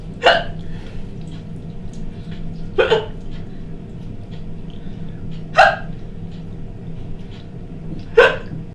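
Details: 46-year-old woman with a condition of recurring hiccups for over a decade, hiccuping about every two seconds during housework: four sharp, abrupt hiccups over about nine seconds against a steady low room hum.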